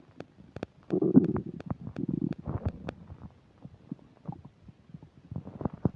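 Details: Upset digestion while eating a burger and fish fries, recorded with a microphone: loud gurgling and bubbling stomach rumbles with crackly pops and longer growls; active bowel sounds (borborygmi) during digestion.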